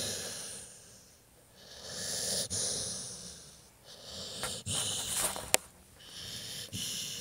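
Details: Dog named Chance snoring while asleep: rhythmic, hissing, whistly breaths rising and falling in steady cycles, with occasional brief snorts and clicks.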